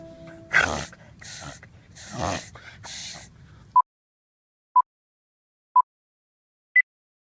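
A dog makes four harsh, snorting pulls of air in quick succession: a reverse sneeze, from nose and throat irritation.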